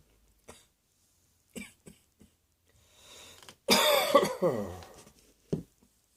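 A few small throat-clearing sounds, then one loud harsh cough burst with a rough tail in a quiet room.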